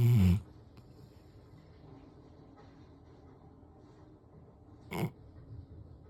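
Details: Black Labrador dog snoring while sleeping on the couch: two short, loud, low snorting snores about five seconds apart in a quiet room.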